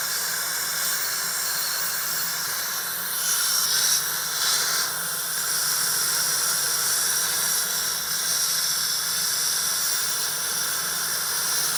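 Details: Continuous high-pitched hiss of an Airflow air-polishing jet removing plaque between the teeth during an adult man's routine professional hygiene cleaning.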